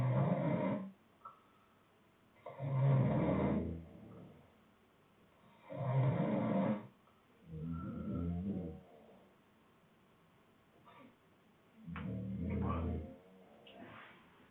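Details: Deep, rough, rattling snores about 20 a minute, each about a second long, with quiet between, from a sleeping man; two other people also snoring in the room; heavy snoring.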